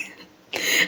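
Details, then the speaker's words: A single short, harsh throat-clear from an adult woman, a stroke survivor who is still healing from an inflamed throat. "Sorry for my voice and you hear me clearing my throat quite often. I just I'm still in a process of healing from an inflamed throat."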